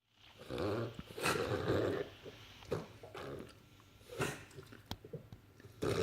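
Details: Dog reverse sneezing episode: repeated harsh, snorting gasps drawn inward.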